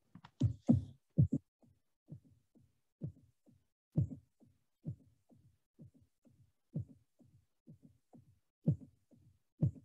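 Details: Summation gallop.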